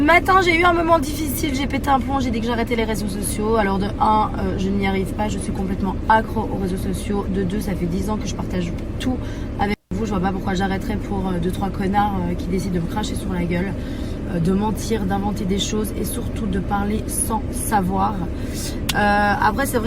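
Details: Adult woman speaking French; ordinary speech.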